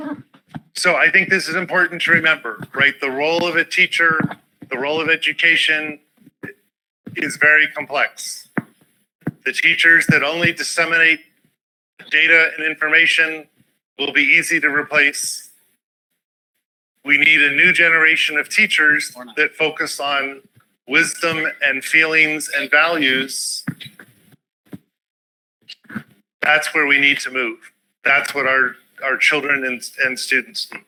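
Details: Adult male speaker; normal speech.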